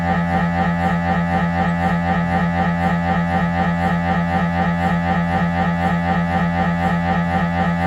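Loud, steady, rapid mechanical knocking at about four per second over a deep hum: normal MRI scanner noise during a head scan.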